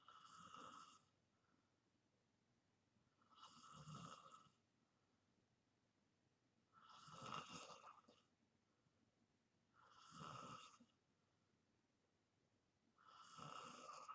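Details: Loud, rough snores on each in-breath, about one every three seconds, with quiet pauses between, from a person self-recording deep sleep; snoring.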